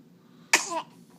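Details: A single sharp, hissing burst with a short voiced tail is heard in a quiet room; sneeze.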